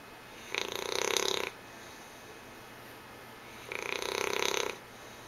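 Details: A female English Bulldog, a flat-faced dog, snores while sleeping on the couch with her tongue hanging out: two rasping, fluttering snores about three seconds apart over steady room hiss.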